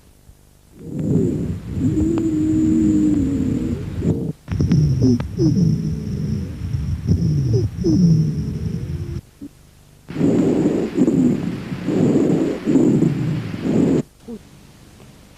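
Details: Recording from a physical-exam teaching video on the respiratory examination: breath sounds over several cycles with musical whistling tones and low snoring rumbles, mostly on expiration: wheezes and rhonchi.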